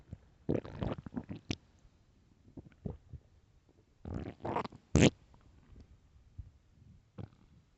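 Bursts of loud gurgling and squelching growls with quiet gaps between: normal stomach growling as gas and fluid move through the gut.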